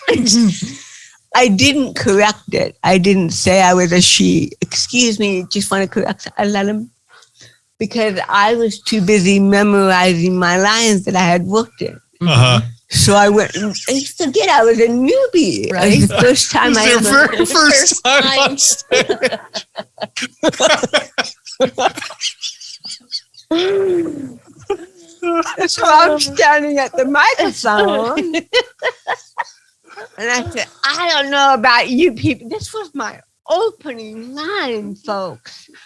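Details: Adult woman comedian with cerebral palsy, real, speaking in an interview; dysarthria (cerebral palsy).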